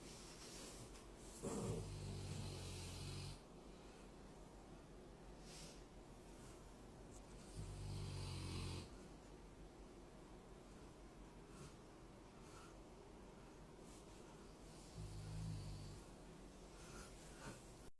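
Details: Sleeping Golden Retriever dog giving three soft, low snores several seconds apart on the in-breath in a quiet room; dog snoring.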